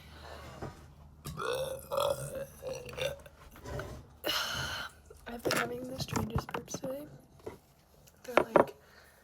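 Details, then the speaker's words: Repeated burps, some gurgly and some airy, with brief talk in a small room; burping, tagged as bloated and gassy. "Some of them are like gurgly and like airy. Well, like gurgly or airy."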